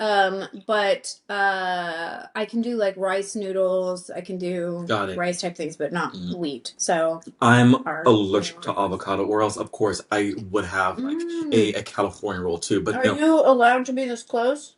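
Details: Adult man with a lifelong, anxiety-based stutter, triggered mainly by word-initial B, P, D and hard G sounds, drawn-out M sounds, humidity and background noise; stuttering.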